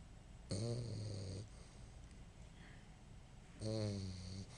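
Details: Dog snoring while dreaming: two low, buzzing snore sounds a few seconds apart with quiet breathing between.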